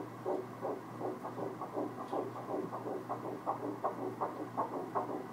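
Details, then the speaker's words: Rapid, regular whooshing pulses at about 160 per minute: a fetal heartbeat on the first ultrasound Doppler of a pregnancy; someone asks whether it sounds normal. "So that sounds like a normal heartbeat?"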